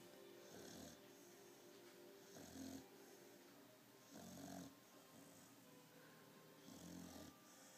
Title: Snoring puppy